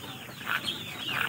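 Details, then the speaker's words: A held Tiger-breed chick with a cold gives short, rough, husky calls with a cough-like catch, a respiratory sound of poultry cold. "দেখেন মুরগিটা আমি ধরার পরে একটা শব্দ করছে। শব্দটায় কাশের আওয়াজ পাওয়া যায়।"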